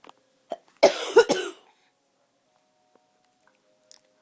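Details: Two quick harsh cough bursts in a quiet room, then silence; a baby is startled by the cough.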